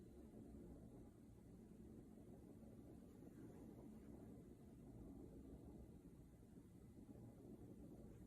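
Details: Student nurse abdominal assessment, stethoscope over the femoral artery after the aortic, renal and iliac sites: steady low rumble with no whooshing bruit, a normal finding.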